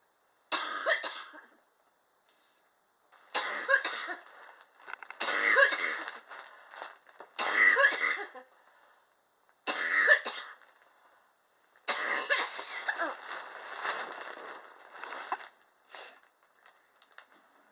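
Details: Repeated harsh coughing bursts from an adult come in clusters over nearly eighteen seconds; a prolonged coughing fit that the patient says is triggered by extreme indoor temperatures in a high-rise apartment.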